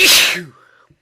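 A single loud, explosive hissing burst that fades over about half a second, with a faint voiced trailing sound: an ordinary sneeze.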